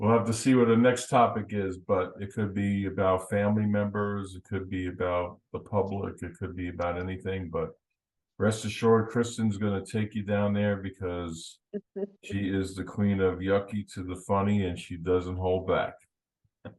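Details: Adult male speaker; normal speech.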